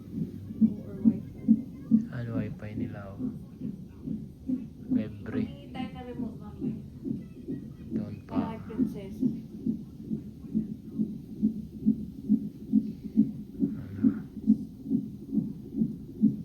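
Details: Fetal monitor in a hospital before the mother's planned surgical (cesarean) delivery: rapid, regular whooshing fetal heartbeat at about 136 per minute, with soft talk and music; normal fetal heart rate.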